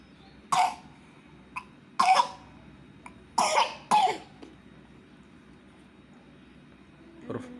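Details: 3-year-old boy with a cough while learning to read: four short, dry coughs in a quiet room, two close together at the end, with faint throat sounds between.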